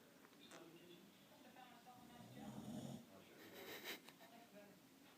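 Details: Boxer dog snoring so much like a human it could pass for a sleeping person: low, rattling snore on a drawn-in breath, rising mid-clip over a quiet room; dog snoring.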